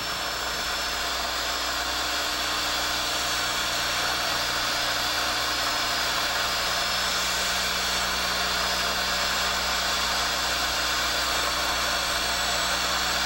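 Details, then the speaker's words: Steady, slightly wavering dental drill whine as burr cuts a straight proximal slice on a child's mandibular left second primary molar (gross caries, rubber dam) being prepared for a stainless steel crown, to break the broad contact. "Keep the burr on a straight path so that the slice appears straight when viewed from the occlusal and will prevent rotation of the crown."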